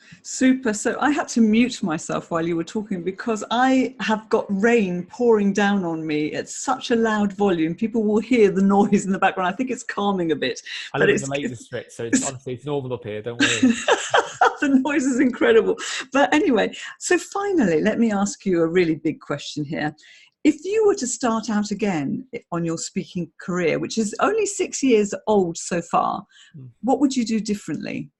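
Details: Adult speaker; typical speech.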